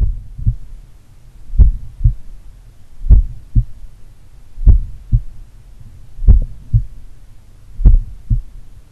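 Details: Self-recorded auscultation in the morning of a person doing regular daily cardio training, at pulmonary, Erb's point or mitral site: slow, regular, clear heart sounds at about 38 beats a minute; normal heart sounds at a slow rate.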